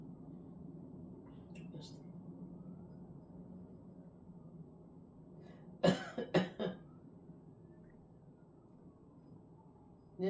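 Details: An adult who says they are sick gives a short run of three harsh coughs in a quiet, humming room; cough.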